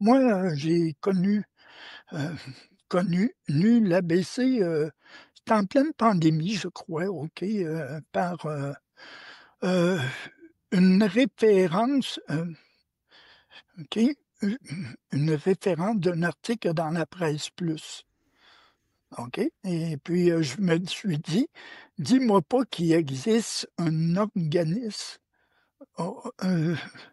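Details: Older man with long lived experience of stuttering, speaking French; stuttering.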